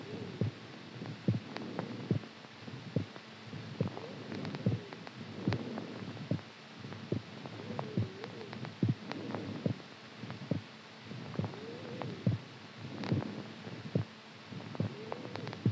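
Soft, regular low thumps at about 71 beats a minute over a steady hum; an ordinary heartbeat.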